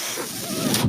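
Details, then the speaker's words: The speaker's own mechanical ventilator, heard while he talks: a steady airy hiss with a faint low mechanical hum from the ventilator supporting his breathing. "noise you're hearing is my ventilator and welcome to page-turners they were not my stores podcast"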